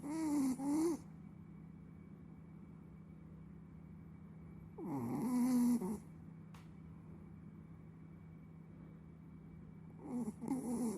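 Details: Sleeping Chihuahua snoring with a rattling, whistly tone on each breath, about 12 breaths a minute, over a steady low hum; dog snoring.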